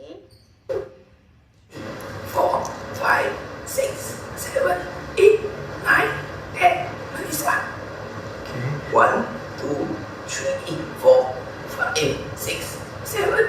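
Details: Adult speaker counting aloud; adductor spasmodic dysphonia.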